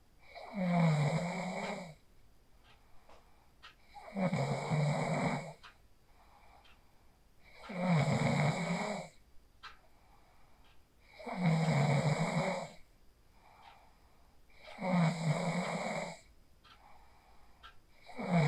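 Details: Phone recording in a quiet room of a person sleeping after practising the 4-7-8 breathing technique: loud, regular snores about 17 per minute, each a harsh rattling breath followed by a quieter one. Snoring.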